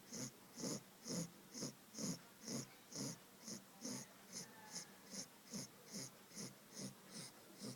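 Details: 2-month-old Labrador puppy snoring while asleep.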